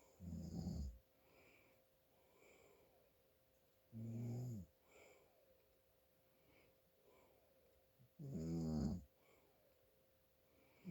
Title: My Dad snoring from congestion